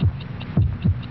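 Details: Soft, regular low double thumps of a human heartbeat, stated as 72 beats in one minute, with a faint hum, from a vintage pain-reliever TV commercial; normal heartbeat.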